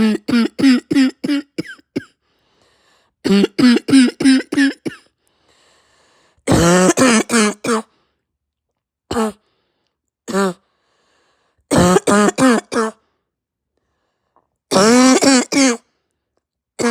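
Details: Adult sick with pounding head, raw sore throat, heavy chest and stuffed nose, barking and hacking so hard nearly vomited: repeated harsh barking coughs in tight bursts of several coughs, separated by pauses.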